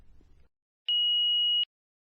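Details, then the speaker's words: Philips HeartStart FRx automated external defibrillator in a demonstration: a single steady high-pitched beep under a second as the green on/off button is pressed, the power-on tone before the voice instructions begin. "to start the defibrillator press the green on off button and follow the heart start frx's voice instructions"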